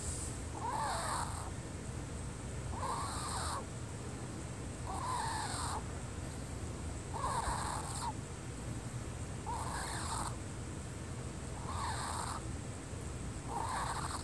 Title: Wheezing GG part I